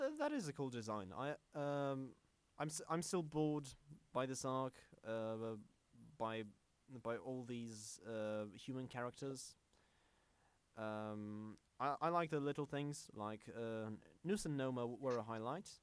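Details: Self-described stammering podcast host whose show combines a podcast with speech therapy; stuttering.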